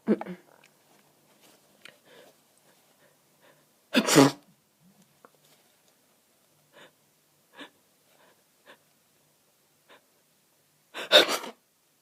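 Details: Two sharp, deliberately stifled sneezes several seconds apart, with quiet sniffs and breaths between them, from someone with a snotty, stuffed-up head cold who has been sneezing almost nonstop for 30 minutes.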